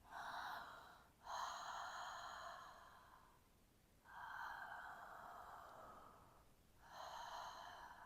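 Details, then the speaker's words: Ujjayi breathing with an open mouth: slow breaths in and out, with a warm exhale like fogging a window. "So it's the same, in and out, exhaling. You can use your hand to feel the warmth coming out through your exhalation."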